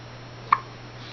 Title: Big brother laughing at baby sister's hiccups...